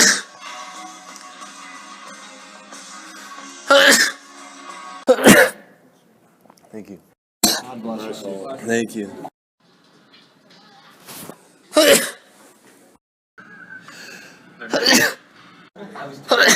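Several sharp explosive bursts over room noise and some music, fitting repeated sneezes.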